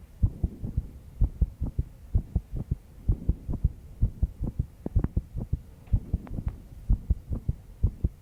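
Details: 22-year-old woman stressed after an all-nighter: repeated low heart thumps in paired beats over a soft background hum, recorded at the chest; heartbeat.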